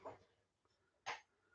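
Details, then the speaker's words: Two short, harsh coughs about a second apart from a woman in the background, heard from a distance in a small room; the speaker says she has been coughing repeatedly: cough. "Can you hear her in the background? Can you hear her in the background? She's coughing."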